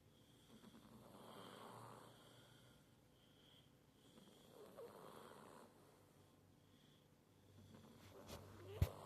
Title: Six the cat is sleeping and snoring but woke up at the end